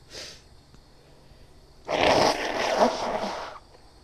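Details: Woman's wet, powerful sneeze while her nose still tickles: a faint breathy intake, then a loud explosive burst of air lasting over a second.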